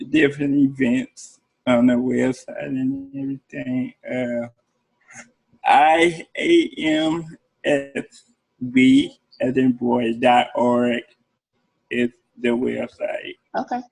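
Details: Adult man with cerebral palsy speaking in an interview; dysarthria (cerebral palsy).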